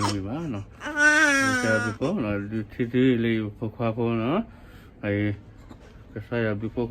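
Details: Newborn second son crying right after labor and delivery: short, wavering, high-pitched cries with brief pauses between them.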